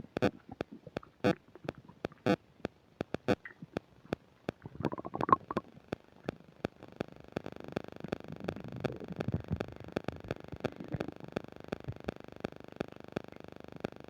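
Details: While eating a burger and fish fries with self-described upset digestion, close new microphone picks up irregular gurgles and rumbles among sharp clicks and crackling microphone static; stomach rumbling, bowel sounds (borborygmi).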